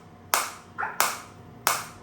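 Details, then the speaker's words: Biotronix focused (not radial) extracorporeal shockwave therapy unit, handpiece firing shots: sharp, loud snapping pulses about every two-thirds of a second. "Like if I put the same over here, you can see this is green now, and I am getting the shot. So I am getting the shot."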